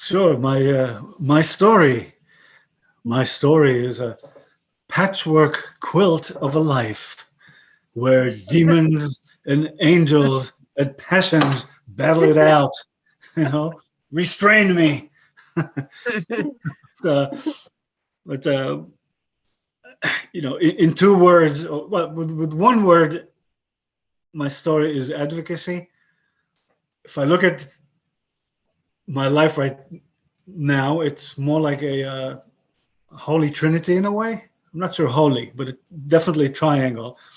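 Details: 62-year-old man with aphasia after a stroke about 11 years earlier; he has kept broken English and Hebrew but lost his other languages; aphasia.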